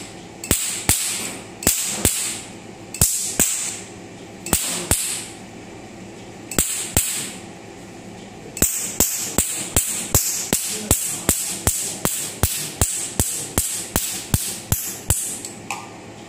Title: Portable OEMed Nd Yag laser tattoo removal